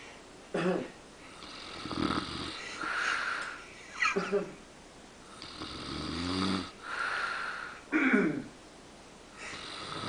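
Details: Man snoring after falling asleep among others: loud rattling in-breath snores alternating with hissing, whistling out-breaths, about six cycles in ten seconds, in a small room.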